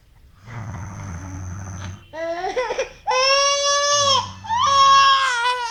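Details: Infant cry: a tired father's low rumbling snore, then his 6-month-old baby girl, annoyed by it, fusses with whimpers that build into loud, sustained crying.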